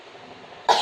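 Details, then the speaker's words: Adult woman in a nursing demonstration of chest physiotherapy and effective coughing, told to breathe in deeply through the nose and cough: quiet breathing, then one abrupt forceful cough; voluntary effective cough to clear secretions. "Tarik nafas lewat hidung lagi, batukan."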